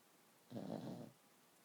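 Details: A single rough, low snorting breath from Oscar, a sleeping pug puppy; snoring.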